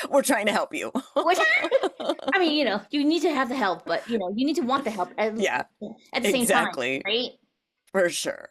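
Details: Adult women in conversation; typical voice.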